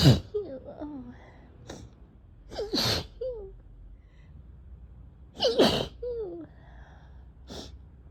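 Three sharp sneeze bursts, each with a quick indrawn breath before it, in a quiet room.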